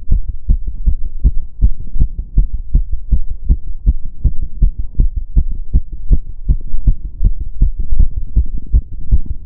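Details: Own heart sound while doing step-up exercise: quick, steady low thumps following closely; a fast regular heartbeat after exertion.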